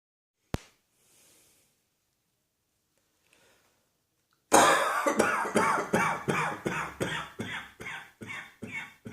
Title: Cross Dressing Coughing 124.